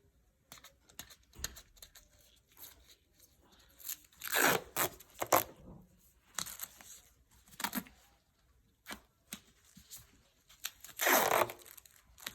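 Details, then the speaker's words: Several sharp ripping bursts of medical tape torn and pressed down in a quiet room, securing an ABD pad over gauze during a wet-to-moist wound dressing change on a patient's leg, recorded at home. "i'm going to now tape it down to secure it secure the dressing down"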